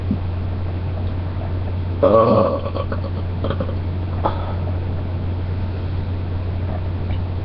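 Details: Burping: one short, low, voiced belch over a steady background hum.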